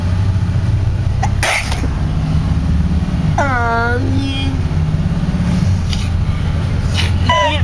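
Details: A single sharp sneeze over steady car engine rumble, followed by a brief voiced sound.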